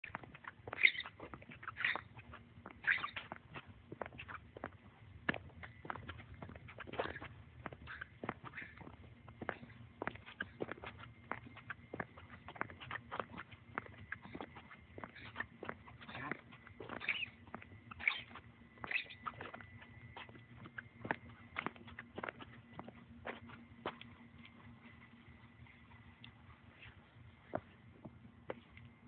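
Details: Dog Chops wheezing: rapid, squeaky, honking breath noises repeated throughout over a steady background hum.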